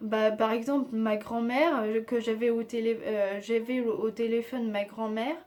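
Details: Aphasia after stroke in an adult woman with Tourette syndrome (onset age 3, diagnosed at 11) treated surgically, devices removed January 2020; aphasia worsened after a second operation and her speech varies day to day.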